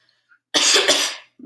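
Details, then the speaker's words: Clinical swallow evaluation: a single strong, dry voluntary cough after a sip of honey-thick liquid from a cup rim, with no wetness or rattling on the vocal folds. "right that sounds good so i'm not hearing any wetness or vocal folds i'm not hearing any rattling around on the vocal folds during the cough as well"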